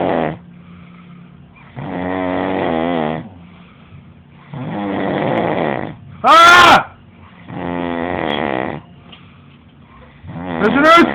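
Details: Person snoring heavily: loud, rattling snores lasting over a second each, with an occasional sharp high squeak between them.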